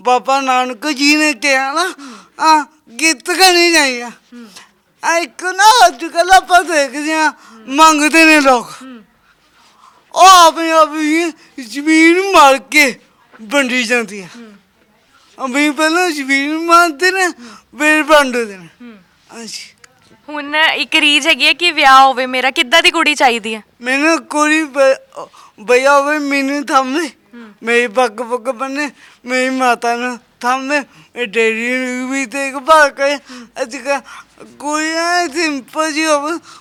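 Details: Stammering / impaired speech present since birth in a young Punjabi man with a disabled hand.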